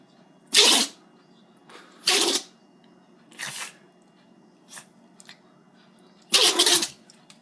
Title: Sneezing Dog